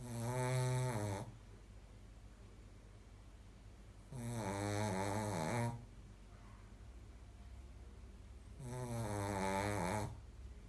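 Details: Shih tzu dog snoring: loud, rattling snores on each in-breath, about 14 a minute, with quiet breathing out between them.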